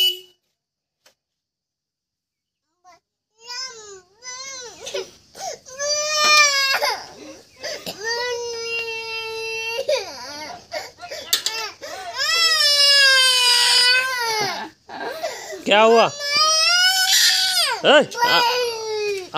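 An infant cries in long, high-pitched wails broken by short gasping breaths, after a quiet opening.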